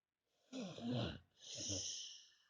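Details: Loud snoring, likened to a tank: two loud, rough breaths, the first harsh and rattling, the second hissing; snoring.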